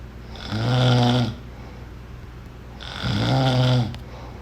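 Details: Snoring, from a sound-effect recording.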